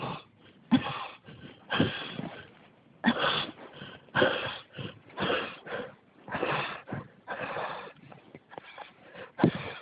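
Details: Persistent cough.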